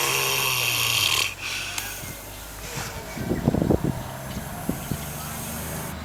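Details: Sleeping pig on a farm in New Zealand snoring loudly: a loud rough snoring breath followed by a series of short grunting snorts; snoring.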